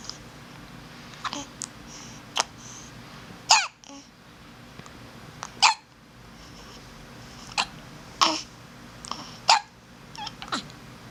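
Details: Hiccups: repeated sharp, abrupt catches of breath, about eight in eleven seconds, against quiet room noise.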